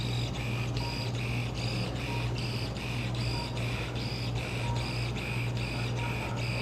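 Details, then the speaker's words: Arthroscopic shaver with oscillating blades and suction, running in a man's right shoulder during arthroscopy to trim frayed tissue: steady low motor hum under a rapid regular whir about three cycles a second. "o then here's the shaver when the guys that make it this has a little blades oscillates back and forth"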